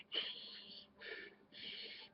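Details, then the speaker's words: Simulated pursed-lip breathing demonstrated in a respiratory assessment lecture: short, hissing puffs of air blown out through narrowed lips, the pattern typically seen in COPD patients. "right and you typically see that with you know COPD patients"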